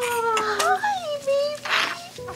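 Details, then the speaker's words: Thin, high-pitched wavering cry of a newborn boy just after an induced vaginal delivery, with room noise and adult voices; a normal, loud newborn cry. "he reminds us so much of vienna he definitely cries louder than gianna"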